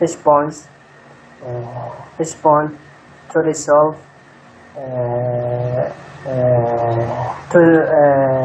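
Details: Stuttering in a student enrolled in Breakthrough-method speech gymnastics therapy, interviewed about their stuttering history and results; stuttering.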